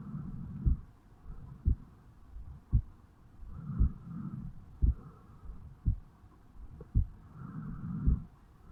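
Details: 35-year-old male, heartbeat self-recorded over the mitral valve area on waking in the morning: regular beat at about 56 beats a minute with breathing noise between beats; normal resting heart sounds.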